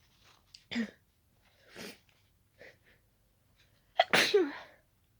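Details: Allergic wet sneezing after closely smelling daisies, described as very tickly and wet: a few short sniffs, then one sharp, wet sneeze.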